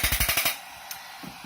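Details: Rapid sharp clicking pulses, about a dozen a second, stopping after half a second, from an extracorporeal shockwave therapy device on the sole, treating a plantar fascia shown thickened on ultrasound.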